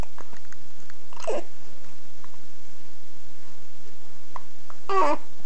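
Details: Hiccupping: two brief, abrupt voiced hiccups about four seconds apart over steady room noise.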